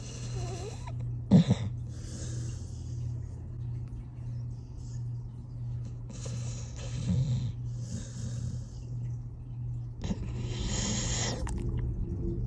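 Soft, rough snoring breaths a few seconds apart, partly masked by a steady low hum in the room.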